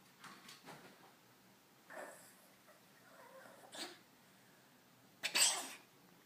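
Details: Cat coughing at night, several short, breathy, hacking bursts, the last loudest, with no meowing, in a quiet room; cat cough.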